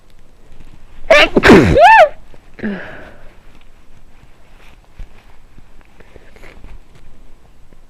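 A loud drawn-in breath followed by a sharp, explosive sneeze with a vocal wail, then quiet sniffling; sneezing with a cold.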